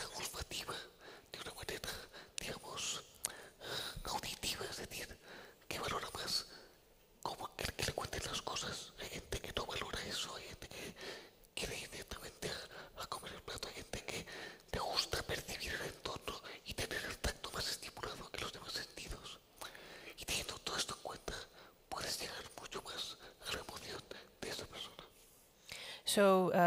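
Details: Adult man with the neurological disease dystonia, which in his case causes uncontrollable neck movements and can affect other body parts; real speech, whispered without voice tone: whispered (aphonic) speech in dystonia.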